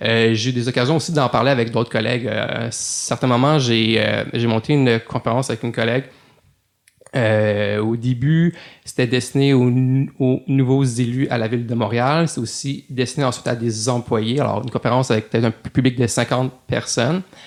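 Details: Adult man, a French-speaking lawyer who has stuttered since growing up; stuttering.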